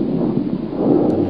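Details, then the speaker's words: Normal bronchovesicular breath sounds via stethoscope diaphragm, heard at the anterior first and second intercostal spaces and posterior interscapular region: soft, steady rushing airflow, equal in inspiration and expiration. "Já o som broncovesicular é um som que pode ser encontrado na primeira e segunda espaço intercostal na região anterior e na região posterior na região interescapular. Ele já é um som tanto igual na inspiração quanto na expiração."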